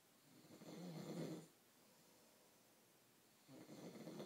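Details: Person snoring during sleep: two low, rough, rumbling breaths separated by a quiet pause.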